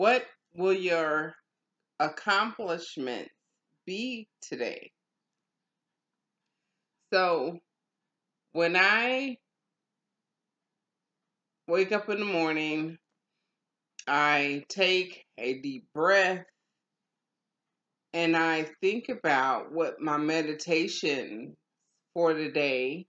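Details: Adult woman with aphasia after a stroke, in ongoing stroke and aphasia recovery; aphasia.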